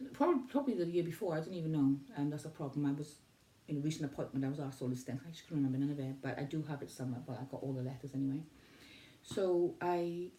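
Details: Adult woman recovering from autoimmune limbic encephalitis with acquired brain injury, reporting word loss, mixing words and pronunciation problems, being referred to speech therapy; word-finding difficulty.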